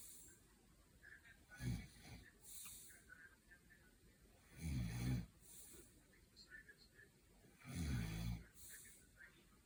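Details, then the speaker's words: Man and dog asleep together, snorer uncertain: three loud, low, rattling snores on the in-breaths, about every three seconds, with quiet breathing between; snoring. "Hey, you think Snoring. The man or the dog?"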